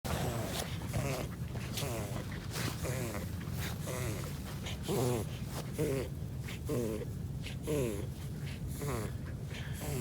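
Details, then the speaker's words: Dog having a reverse sneeze, rapid repeated snorting inhalations like a little wheezing attack; rubbing under the neck helps calm it and restore normal breathing. Described as common and harmless, especially in smaller dogs. "it's like a little wheezing attack like a river sneeze dogs do that just rub them under the neck yeah take the anxiety out and get back to breathing normal"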